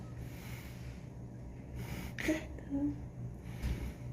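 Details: Two small, quick sneezes about a second apart from a 3-day-old newborn, the baby's first sneezes, over low room hum.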